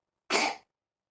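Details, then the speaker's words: Young child with fever and cough for two or three days who has become quite irritable: a single short, harsh cough burst. "Guys को fever और coughing है दो तीन दिन से काफी चिड़चिड़ा हो गया है"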